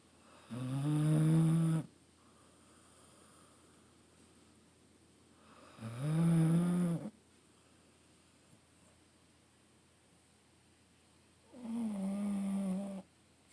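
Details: An 11-year-old female basset/beagle mix in fairly good health, asleep, giving three loud, low, rumbling snores on inhalation roughly every five seconds (about 11 breaths a minute).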